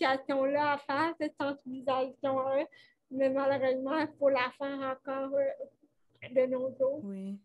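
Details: 29-year-old woman with cerebral palsy caused by lack of oxygen at birth, speaking French in an interview; she appears to mention speech difficulties; finding: dysarthria (cerebral palsy).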